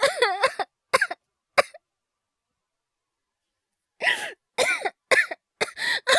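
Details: Acted, wordless cough performance by a male voice actor, all simulated: several short coughs and throat-clearing sounds, a pause, then another run of coughs, portraying illness; imitated cough.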